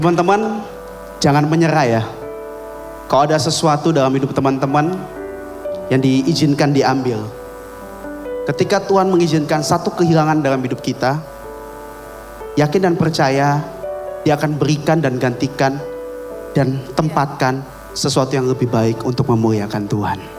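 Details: Adult man speaking; normal voice.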